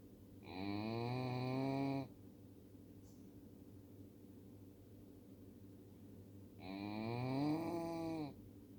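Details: Female miniature Schnauzer asleep: two long, voiced, groaning, human-like snores about six seconds apart; ordinary canine snoring.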